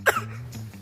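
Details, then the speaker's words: 5-month-old infant, laughing and playing: one brief, light pretend cough-like burst, a playful fake cough rather than an illness cough. "Alah batuk-batuk ganang batuk dibikin-bikin alah."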